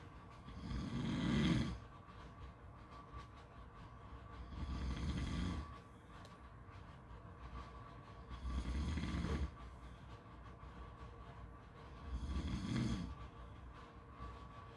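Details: Four soft snores at about 16 breaths a minute over steady beach background noise; snoring.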